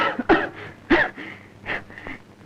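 Several harsh coughs with strained, noisy breaths between them, acted in a film scene.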